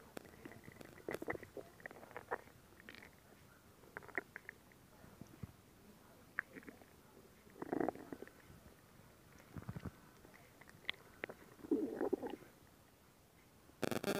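Quiet gurgles and bubbling squeaks in scattered bursts over low hiss: stomach growling, ordinary bowel sounds.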